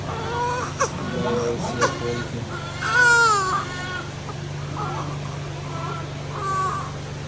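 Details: A malnourished infant during gentle burping and massage gives short, whimpering cries rising into a louder wail, with faint music and room noise behind.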